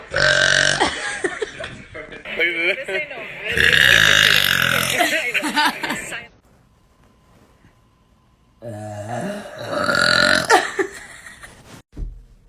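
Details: A compilation of a person letting out several long, loud, drawn-out voiced burps separated by a quiet pause; belching.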